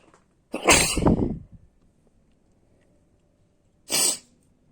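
Two sharp, forceful bursts of air, the first longer with a drawn-out tail, the second brief: a pair of sneezes in quick succession.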